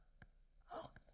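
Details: Two brief, sharp clicks with a soft rushing sound between them from an adult woman's clicking jaw joint; she reports ongoing jaw locking and popping and is considering Botox for it. Temporomandibular joint click.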